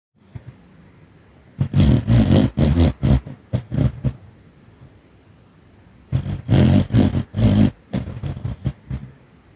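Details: Small dog snoring while dreaming in its sleep: clusters of quick, low, rumbling snorts and grunts in bursts with quiet gaps between.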